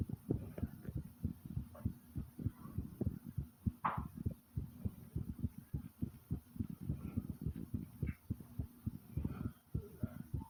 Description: my heart was beating loud and fast and then my stomach growled along with it